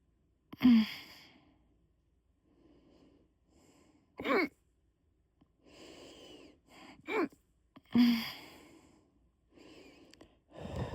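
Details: Adult with hiccups after drinking a few beers: sudden, sharp, voiced gulps at irregular intervals, with soft breathing between them; hiccups.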